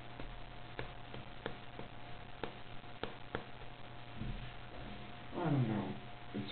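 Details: Repeated sharp clicks and pops, about one every half second, over low room hum, as an arm joint cracks with movement; joint crepitus that doctors could not explain.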